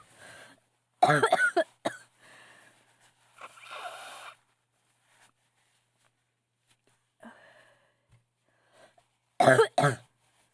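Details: Acted female cough sound effect: two bouts of harsh, voiced coughs with breathy inhalations and quiet pauses between; cough.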